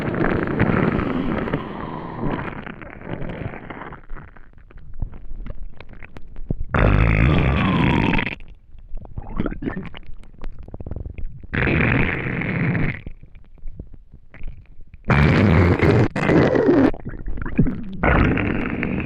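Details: Long gurgling rumbles with squeaky rising tones in bursts separated by quiet gaps, loud growling from the empty stomach of a person who had not eaten for a day; borborygmi.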